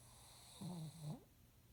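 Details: Snoring: a brief low snore with a snorting catch on the in-breath, over a faint steady background hum.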